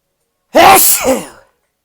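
A single loud, explosive sneeze with a quick intake and a forceful "achoo" release: an ordinary sneeze.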